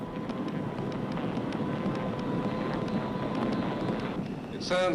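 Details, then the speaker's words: Brain electrical activity of a patient with mental illness, recorded with implanted microelectrodes and played as sound: a dense, roaring rumble likened to an airplane with failing engines. "Suena como un avión con un fallo en los motores. De alguna manera, eso es lo que sucede."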